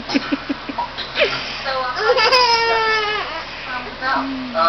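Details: A 14-month-old child makes short whimpering sounds that build into a drawn-out cry, with room noise in the background; infant cry.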